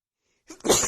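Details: Female with a bad head cold and an unbearable nose tickle: a short intake of breath, then one sharp, forceful sneeze.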